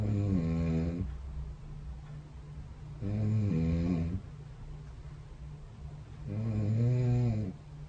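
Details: Adult snoring during sleep recorded by a snore-tracking app beside the bed: three loud, low, buzzing snores about four seconds apart, roughly 18 per minute.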